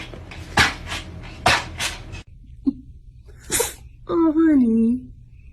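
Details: Small pets, apparently cats, sneezing: several short, sharp bursts of air, then a brief animal vocal sound.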